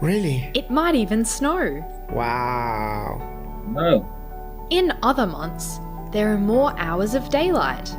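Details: Adult speakers, possibly more than one, over background music; normal speech.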